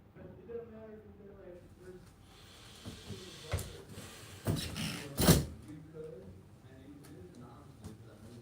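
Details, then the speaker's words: Three distinct cracking pops during left shoulder upward rotation/shrug on a treatment table, with left retraction range-of-motion issue but full upward-rotation range; shoulder crepitus. "with the left upward rotation, we're getting a lot of crepitus, but not really a range of motion issue."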